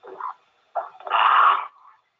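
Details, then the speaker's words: Adult male's take-home sleep recording (with EMG) played back: loud snoring with breathing problems, assessed for sleep apnea; snoring. "it's really cool because you can see that you can view the signals and play audio and I hope you can hear this because this guy has some real issues with the snoring and is breathing"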